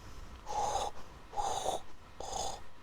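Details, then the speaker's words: Three rough, whistling snoring breaths about one second apart, no pause heard here; shown as an example of obstructive sleep apnea snoring, where pauses with chest or abdominal effort against resistance occur. "algún momento hay una pausa Entonces si miramos incluso detalladamente vemos como hay una pequeña un pequeño movimiento del abdomen o del tórax tratando de vencer una resistencia y luego vuelve a roncar"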